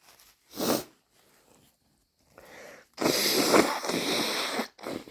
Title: Sneezing... am I catching a cold again? 😅😅